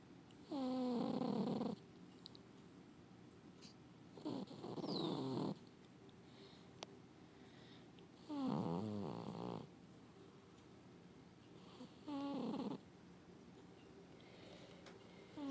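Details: Four long rattling, tonal snores from a sleeping cat, each on a breath in, with quiet pauses in a still room; snoring said to sound like a human's.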